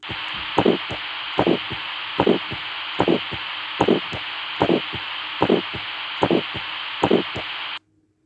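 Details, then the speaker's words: Aortic stenosis at the aortic area, right second intercostal space, radiating to the right carotid: harsh, high-pitched crescendo-decrescendo ejection systolic murmur, regular heartbeat near 74 a minute; teaching recording. "The intensity is variable but usually it is harsh and it is a highpitched ejection systolic murmur. Again hear this murmur of aotic"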